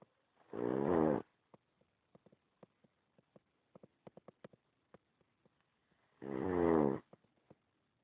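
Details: Nine years later still snoring: two long, rattling snores about six seconds apart with soft clicks between them, roughly ten breaths a minute during sleep.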